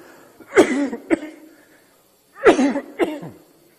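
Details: Adult man (Italian Prime Minister) has short coughing fits while giving a Senate speech, after a sip of water: two bouts, each a strong burst then a smaller one.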